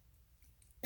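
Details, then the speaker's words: Brief two-part throat clear from an adult woman with myasthenia gravis whose throat is getting tired while talking, after a short quiet pause. "sorry trying to get it to stop but it probably won't that's muscles they you use same as with your eyes"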